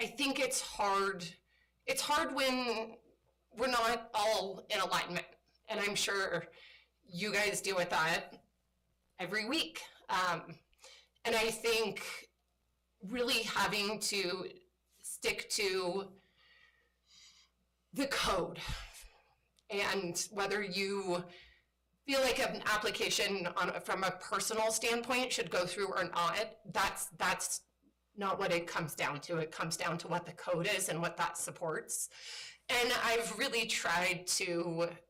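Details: Woman with spasmodic dysphonia, a voice disorder she calls a brain disorder and says kicks in sometimes; spasmodic dysphonia.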